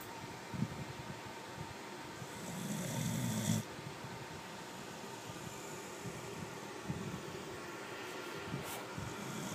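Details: Snoring after the owner leaves for work: continuous low, rumbling, fluttering snore with steady background noise throughout.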